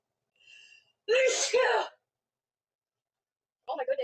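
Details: A soft intake, then two sharp explosive sneezes close together from a woman, part of a sneezing fit she calls her fourth in a row: sneezing.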